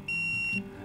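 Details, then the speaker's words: Nisus negative pressure wound therapy device, training demonstration: a single high-pitched electronic beep as the leak icon and troubleshooting menu appear; NPWT pump leak alarm. "so when this device alarms this device is alarming leaked at this point you have an icon in the top left hand corner it also notifies you leak alarm mute yes or no"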